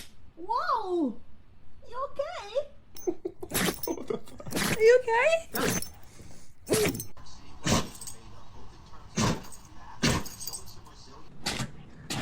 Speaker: Oh, oh, you gotta sneeze? He's big sneeze.